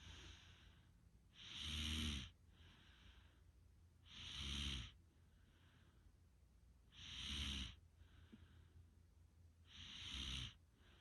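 Regular snoring at about 22 breaths a minute. Each breath has a low rattling rumble and an airy hiss.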